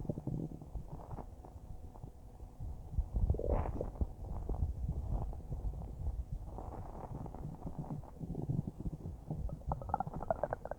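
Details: Stomach recorded about a minute after eating a huge bowl of spaghetti; continuous low churning with small gentle gurgles, normal bowel sounds after a large meal.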